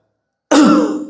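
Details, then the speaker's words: Demonstration of the final quick, forceful voluntary cough that ends an active cycle of breathing technique after huffing, to clear phlegm after a cold: a single cough after silence. "So இந்த பயிற்சியோட முடிவுல ஸ்பீடான ஒரு காப்."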